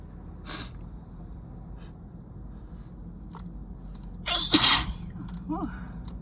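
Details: Two sharp, wet sneezes, the second loud and explosive, then a sniffling breath; an itchy, messy sneezing fit from sickness or allergy.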